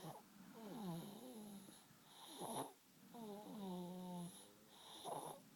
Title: Somebody is snoring!